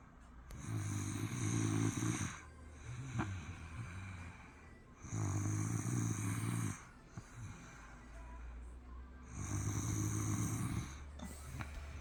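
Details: Son snoring: three loud, low, rumbling snores on breathing in, about 15 a minute, with quieter breathing out between them.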